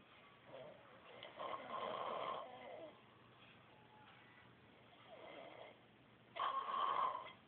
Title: Snoring Pinja